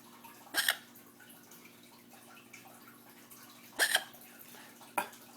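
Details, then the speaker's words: Pet bird with hiccups in the morning: three abrupt, short catch sounds spaced a few seconds apart in a quiet room; hiccups. "got the hiccups goodness you got the hiccups this morning bright light you got the hiccups this morning huh"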